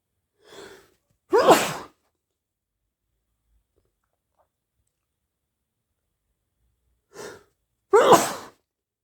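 Two sneezes, each a short in-breath followed by a loud, explosive wet burst, with silence between them.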